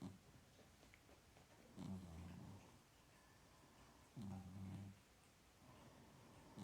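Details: Soft, rough, vibrating snores a few seconds apart from a small sleeping pet over quiet room noise; snoring.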